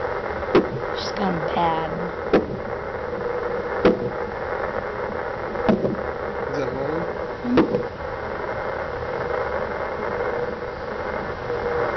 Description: with hiccups inside mommy's tummy heard on a doppler at 34 weeks 4 days